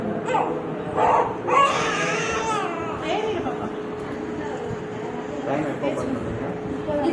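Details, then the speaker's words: Baby crying in short bursts with whimpers after the first vaccination injection, while adults hold the baby tightly; adult voices and room noise in the background. "பாப்பாவுக்கு முதல் தடுப்பூசி போடுறோம். பாப்பா ரொம்ப அழுதுட்ருக்காங்க, ரொம்ப கஷ்டமாக இருக்குது."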